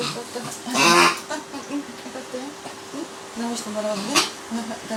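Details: Small dog with primary tracheal collapse, 2.40 kg, day 660, sudden onset of loud, harsh, honking noisy breaths; severe stridor.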